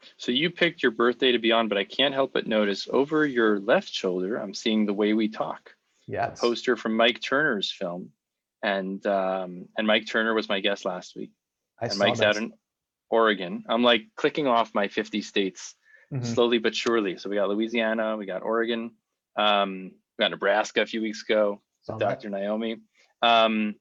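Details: Adult male speaker; normal conversational speech.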